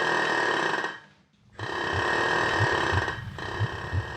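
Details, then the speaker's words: Woman in labour overnight with her second child at a planned home birth, membranes not yet ruptured, breathing gas and air (Entonox): loud buzzing rattle of the demand valve on each inhalation, brief pauses between breaths, soft thumping underneath. "the gas and air might be helping but it doesn't off make a racket"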